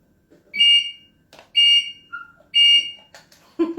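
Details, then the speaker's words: HeartMate II LVAD controller alarm when a battery is deliberately disconnected during a battery-change demonstration: loud, shrill electronic tones repeating about once a second. "You're going to connect back to your batteries. And this is what happens if I just let one loose for a while."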